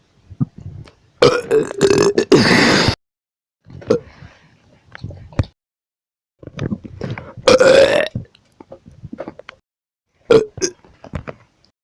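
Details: Compilation of repeated burps: loud, prolonged rumbling belches, two long and several shorter, with background music and talk; burping.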